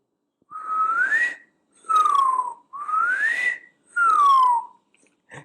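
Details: A doctor does a live demo imitating a wheeze, an expiratory breathing sound: high musical whistling carried on the breath, rising and falling over several breaths.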